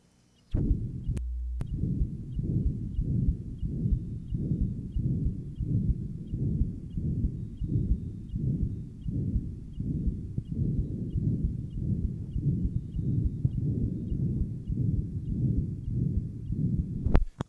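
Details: Heart sound recording (Johns Hopkins, 1955) of tetralogy of Fallot after Blalock-Taussig anastomosis: rapid heartbeat about 120 a minute with a continuous low rumbling shunt murmur.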